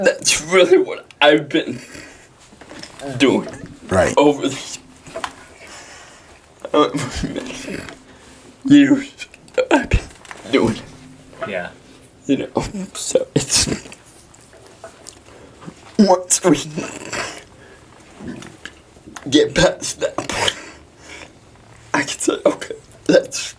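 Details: 23-year-old man with cerebral palsy. Finding: dysarthria in cerebral palsy.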